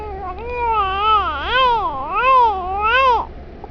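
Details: 3-month-old baby girl crying: loud, wavering wails rising and falling in pitch, several in a row; ordinary infant crying.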